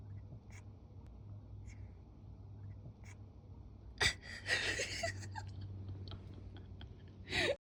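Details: Sneeze: a single abrupt, explosive burst near the middle, then rustling and a second short noisy burst in a quiet room; sneeze.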